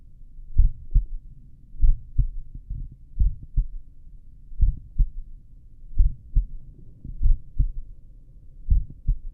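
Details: Self-recorded heartbeat at the apex with stethoscope while lying down, over a couple of minutes; normal heart sounds at a slow rate.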